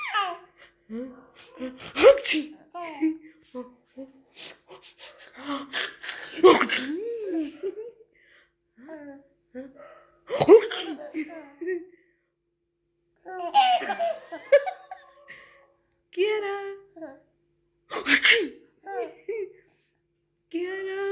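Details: Several sharp sneezes from an adult, each followed by a little girl's giggling and laughter.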